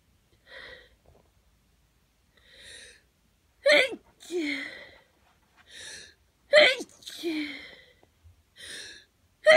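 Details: Morning hay fever sneezing before taking antihistamines, with congestion: a run of sneezes, each a sharp in-breath then an explosive burst, in a quiet room; repeated sneezing.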